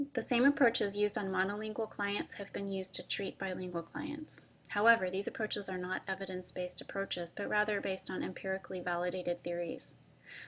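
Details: Adult woman speaking; normal speech.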